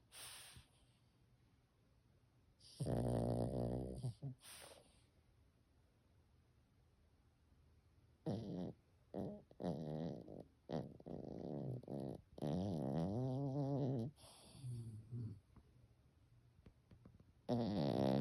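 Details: Loud, irregular snoring with rattling, gurgling wet snorts between drier buzzing breaths, separated by quiet pauses; wet and dry snoring.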